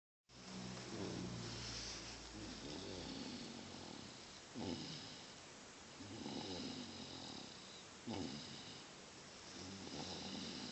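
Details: Snoring like a puppy: repeated rough, rattling snores with steady breathing rhythm, about 17 a minute, over hissy background; ongoing snoring.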